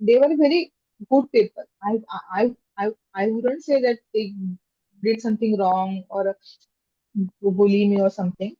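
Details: Stuttering in an adult woman who stammers, a software engineer, with stammering since childhood.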